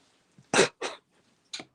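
Three short, harsh bursts from an adult, the first two close together and a third after a pause, in a quiet room: a brief dry cough.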